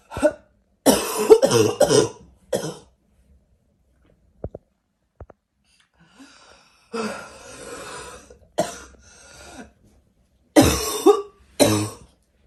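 Several harsh, abrupt cough bursts, some in quick pairs, separated by quiet pauses, fitting a barking cough.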